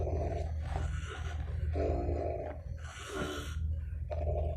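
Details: Adult man (stepfather) snoring during sleep at 1 am: deep, rough, rumbling snores with loud vibrating breaths in and out and a brief hissing break; heavy snoring.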